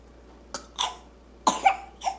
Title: talking and coughing